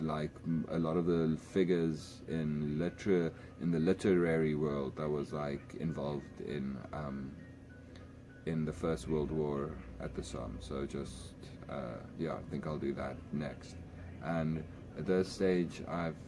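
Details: Adult man speaking English as a second language who stutters a lot, also in his home language, with word repetitions; stuttering.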